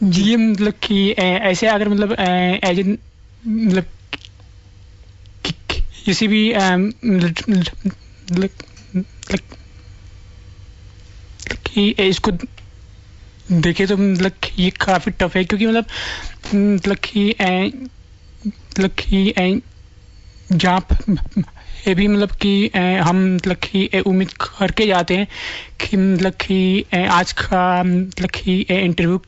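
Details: Stuttering in an adult man who stammers, speaking Hindi on a radio show.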